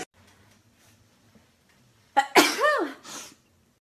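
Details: A single loud, acted sneeze in a staged skit: a sharp intake, then an explosive burst with a voiced tail, in a quiet room.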